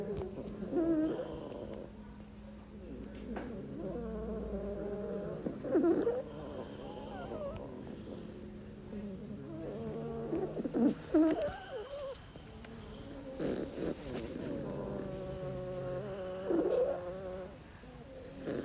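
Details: Snoring, recorded last year: repeated snuffling, whistling snores with nasal squeaks, irregular in timing, over a low background hum.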